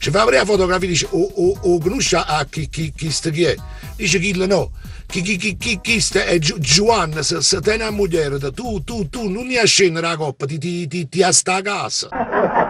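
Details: Acted: a male comedian imitates, in an Italian joke, a man who stutters, using repeated syllables; not a real speech disorder; finding: imitated stuttering.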